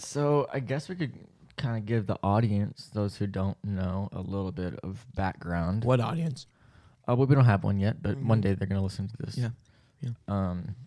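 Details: Adult male speakers, podcast-style conversation; ordinary conversational speech.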